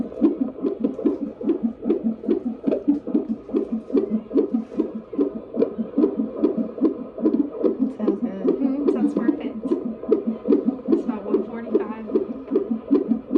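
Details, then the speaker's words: Fetal heartbeat of a boy on a handheld Doppler at a 30-week prenatal midwife check: fast, regular galloping whooshes at about 145 beats a minute, a normal fetal heart rate; the visit was reported as all good. "when she does come in i'm gonna let her get the information and i'll be back so you can guys can hear baby heartbeat"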